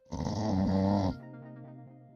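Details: Chow Chow dog snoring during a live stream, with background music.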